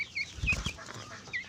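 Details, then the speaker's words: Sick young chicken under two months old with respiratory illness: brief, low, rattling snore-like bursts (ngorok) under its peeping, respiratory rales. "saya lagi kurang enak badan yang sakit nih suaranya nih dengan enggak ngorok ngorok ya"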